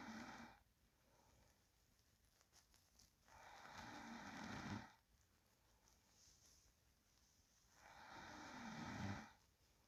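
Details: Real recording of a sleeping person: soft, slow breathing with a low, rough snore on each breath, about 14 breaths a minute; quiet snoring.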